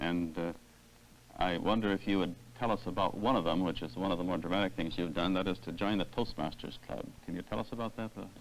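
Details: Adult male speaker; typical speech.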